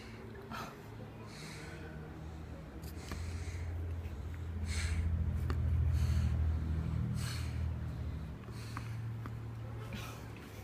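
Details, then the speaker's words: 8-month-old baby asleep in a high chair: low, soft snorting breaths repeating steadily over quiet room noise; infant snoring. "I'm gonna get a close up and see if we can get the baby snores on the video."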